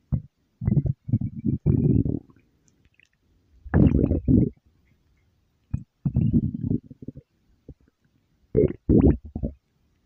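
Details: Stomach growling (borborygmi): irregular bursts of low gurgling, rumbling sounds separated by quiet gaps.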